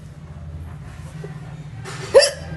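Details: Woman's hiccup: one short, abrupt catching sound over steady room hum; a single hiccup.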